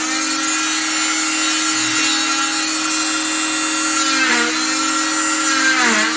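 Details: Oscillating cast saw removing a fiberglass short arm cast (used for distal wrist fractures), towel over the patient for dust; steady high-pitched whine, pitch dipping as the blade bites into the hard fiberglass along the ventral arm.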